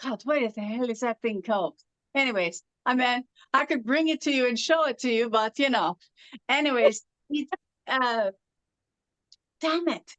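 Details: Adult woman from California with foreign accent syndrome since about 2016; foreign accent syndrome.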